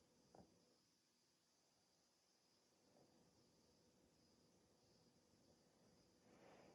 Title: 16 MINUTE HICCUP ATTACK 😩 Waking up with the hiccups - Sleep Apnea CPAP Treatment September 3, 2023